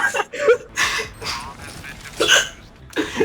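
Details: Several sharp, yelping hiccups in quick succession, some running into brief voiced sounds; ordinary repeated hiccups.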